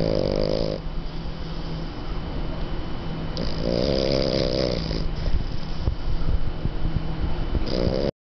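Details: Dog snoring: loud, rattling snores close to the microphone, recurring every few seconds with a buzzing, fluttery quality.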